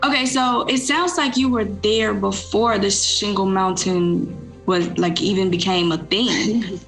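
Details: Adult woman speaking; Normal speech.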